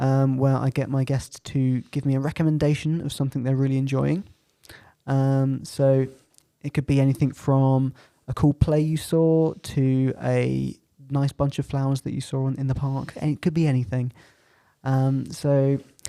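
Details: Adult male speaker; Normal fluent speech.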